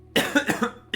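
A quick run of about four harsh, partly voiced coughs in under a second, with a quiet room behind; an ongoing cough.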